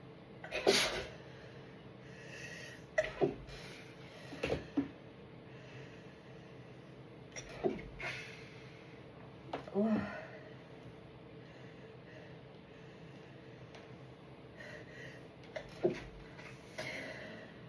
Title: first sneezes of November (with fail)